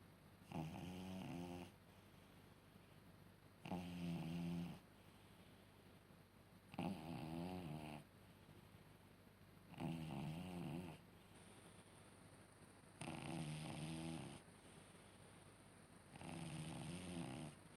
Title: My senior cat is snoring so loudly 😴💤